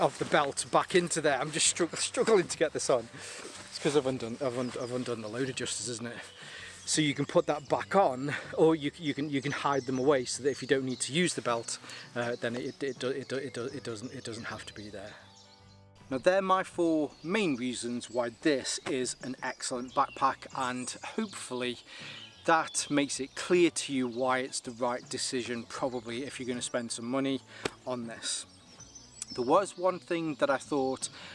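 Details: Adult male with a lingering stammer he links to his anxiety, improving; he finds talking on camera makes it easier; stuttering.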